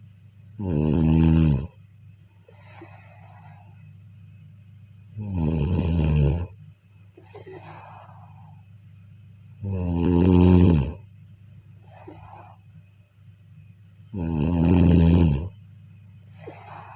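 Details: Loud, regular rumbling snores about 13 a minute on the in-breath, each followed by a soft breathy out-breath, steady low hum behind, recorded during sleep: snoring.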